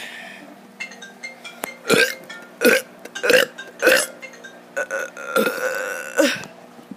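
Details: A child deliberately burps for a video: a series of about six short burps with background music playing.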